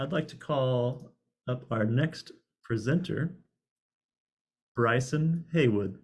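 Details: Adult male speaker; normal speech.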